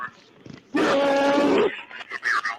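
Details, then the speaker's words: Agonal respirations in a real recording of a man struck by a vehicle on a highway during a tow-truck ride-along, fighting for his life while trying to breathe. "Yeah. That noise. That's the agonal respirations."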